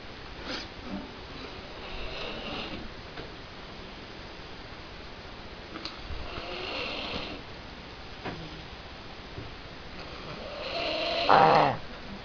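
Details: Snoring in a person with flu: irregular rough snoring breaths in a quiet room, some croaky and frog-like, one louder near the end; all sounds genuine, no added effects.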